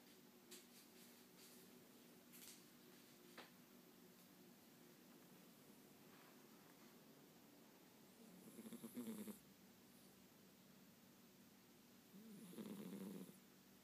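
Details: Sleeping Norwegian cat snoring: two soft rattly snores on in-breaths, separated by quiet breathing.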